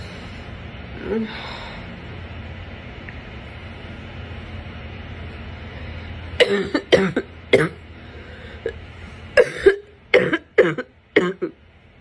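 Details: Adult's morning coughing while sick: after a quiet stretch, two runs of harsh coughs, about nine in all, with a barking quality.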